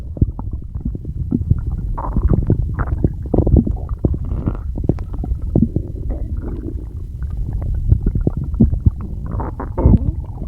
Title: [STOMACH NOISES] I can't get them under control